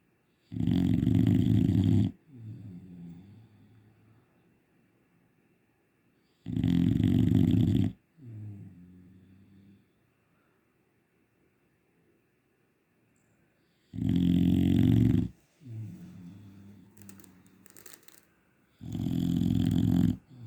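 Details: Loud snoring from a dog in a deep, rumbling rhythm, each snore followed by a softer, fluttering breath, likened to a tractor.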